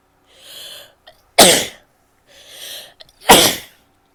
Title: sneezing, a bit of coughing and nose blowing